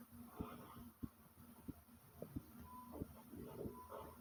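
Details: Sharp, somewhat uneven beats at about 90 a minute over a steady hum: the recorder's own heart still pumping fast.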